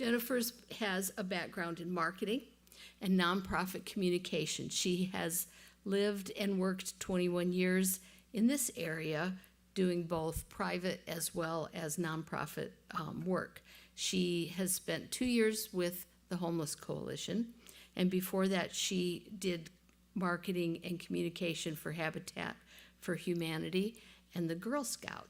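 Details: Adult woman speaking; plain speech.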